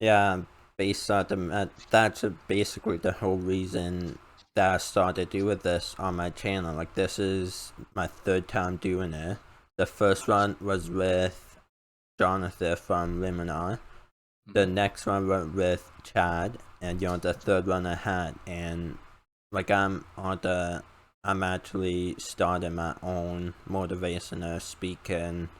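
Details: Male with a self-reported uncontrollable speech impediment, improved after about 10 years of speech therapy; formerly used an iPad talking device, not used for almost three years; speech impediment.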